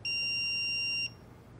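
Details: Single steady high-pitched electronic tone about one second long from an AED in adult mode after rhythm analysis with no shock advised, before the CPR prompt, in a real-time CPR training demonstration.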